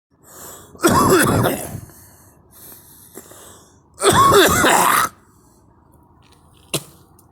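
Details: Two loud, harsh adult coughs about three seconds apart, each lasting about a second, in a quiet room.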